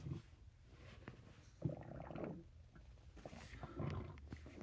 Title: Stomach growling